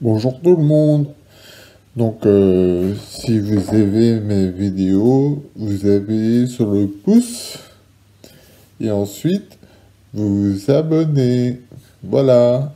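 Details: Adult man who had a stroke eight years ago and a second six months later, initially losing speech completely; formerly severely aphasic, he still has Broca's aphasia.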